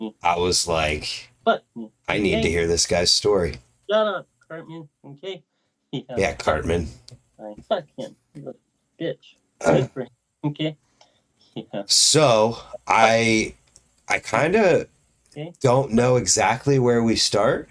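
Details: Adult male BMX rider with lifelong, worsening Tourette syndrome; swearing and vulgar tics began around age 35; vocal tics with coprolalia (Tourette syndrome).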